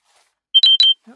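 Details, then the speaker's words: Short cluster of three high electronic beeps from a FreeStyle Libre 3 continuous glucose monitor alarm that keeps going off; wearer suspects signal problems; heard during paper crafting. "My Libra 3 alarm keeps going off. It's the signal's messing up or something."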